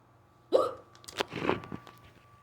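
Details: A sharp voiced hiccup, then a few softer catches and small mouth sounds over a low hum, from a person with a severe, fast bout of hiccups lasting almost 20 minutes that began on waking. The hiccups are still continuing.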